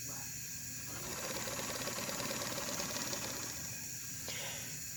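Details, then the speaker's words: Long, steady, medium-force exhalation of about 8–10 seconds after a 3–4 second inhale, with a rapid fluttering, rattling buzz through a handheld Aerobika oscillating positive expiratory pressure device used manually to loosen lung mucus. "We're going to inhale for about 3 seconds, 4 seconds, and then exhale slowly."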